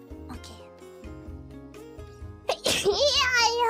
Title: Sneezes 504-505